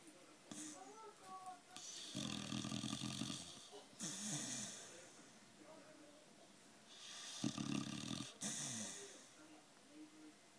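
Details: Staffy aged 9.5 months, asleep after a tough day; loud, low, rattling snores on each inward breath, with whistling, snorting sounds between, roughly six breaths a minute.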